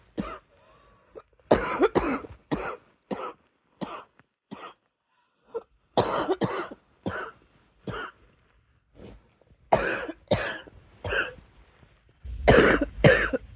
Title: Coughing fit